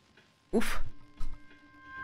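A single sudden, explosive sneeze burst with a brief trailing sound, over soft steady background music.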